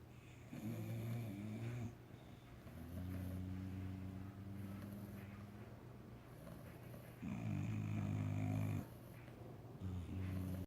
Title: Puppy snores